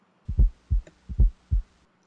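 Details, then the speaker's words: Fourth heart sound (S4 gallop), heard over the apex, from atrial contraction into a non-compliant left ventricle: two heartbeats at about 73 a minute, each with a soft low thud just before the first sound. "so the incoming blood creates a very turbulent flow because eventual is not going to expand and the turbulent flow of blood creates an audible sound that you can hear over the apex"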